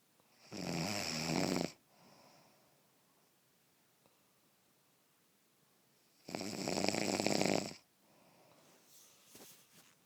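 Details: Sleeping cat snoring: two loud, harsh snoring breaths about six seconds apart, roughly 10 a minute, with soft breathing out after each; harmless.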